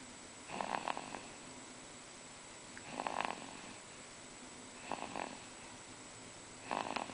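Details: Two-month-old snoring in sleep: four soft, rhythmic purring snores about two seconds apart, over steady background hiss.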